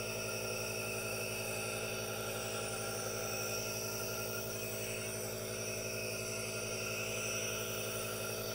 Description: ASMR NO TALKING | aerosol nebulizer calming white noise and hypnotizing vapors, with hand movements for your relaxation